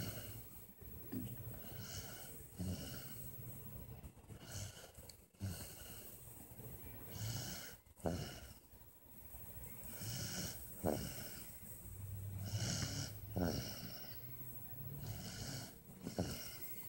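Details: Sleeping child at nap time snores with low, rumbling breaths and brief snorting catches, about 22 breaths a minute; snoring.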